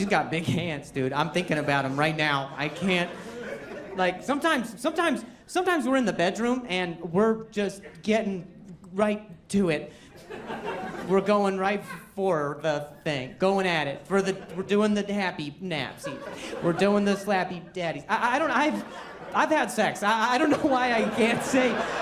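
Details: An adult male comedian performing stand-up, with a severe stutter for over 10 years that he ties to his anxiety level and links to a traumatic brain injury from a softball hit to the throat; stuttering.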